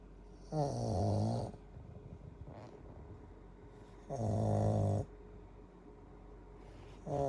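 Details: Snoring: repeated deep, vibrating snores about every three seconds, with a steady hum of room noise between them.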